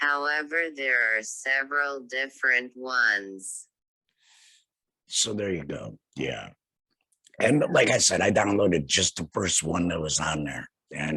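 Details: Laryngectomee speaking with a tracheoesophageal puncture voice prosthesis; tracheoesophageal speech after laryngectomy.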